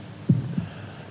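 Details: A single low lub-dub heartbeat sound effect from a 1968 BBC television drama, played after a character asks "Can you hear your heart beating?"; a simulated heartbeat.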